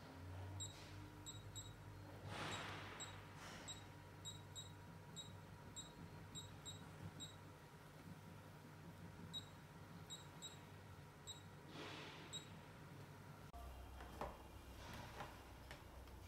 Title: Lipo Laser Machine